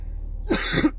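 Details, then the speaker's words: An adult coughs while smoking, which is unusual for them; they blame recent diet weakening their immunity. Two quick, harsh, throat-clearing cough bursts are heard in a quiet room. This is a cough. "I don't cough when I don't normally cough like that when I smoke but you'll hear me coughing now I'm coughing now as if I'm sick or something when I'm smoking"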